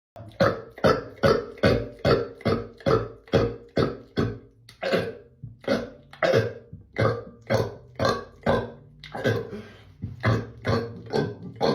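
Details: Adult male deliberately burping in an attempt at the most burps in 30 seconds, current record 54: a rapid series of loud, voiced burps, about two per second; burping (eructation).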